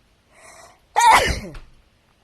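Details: A person sneezing: a short breathy inhale followed by one forceful, explosive sneeze that trails off.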